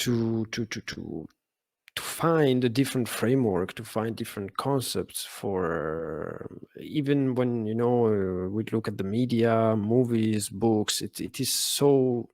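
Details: Adult man who has stuttered since childhood, with speech therapy as a child and adolescent; he calls his stutter not very severe and says he stutters less in English; stuttering.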